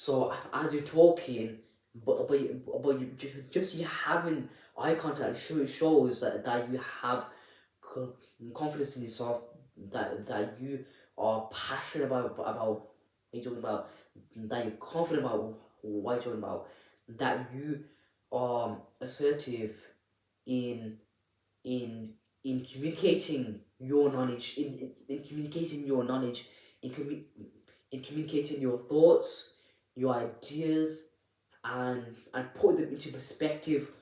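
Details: Adult man who stammers, speaking unedited; repeated words and phrases are audible; stuttering.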